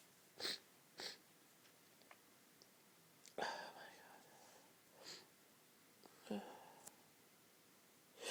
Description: lots of rapid intense sneezes - had so many fits like this this afternoon